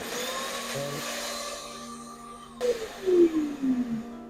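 Steady hum, then a whirring vacuum motor with shifting pitch over background music, as a soft night guard is vacuum-formed over a dental mold.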